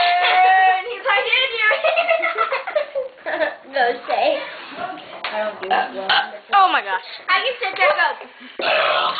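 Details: Repeated loud, drawn-out burps from children in a burping contest at a friend's house, mixed with their talk, shouting and laughter in a small room; burping.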